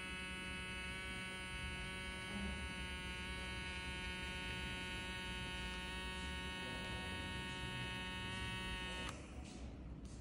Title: Citizen CH-657 unboxing digital blood pressure monitor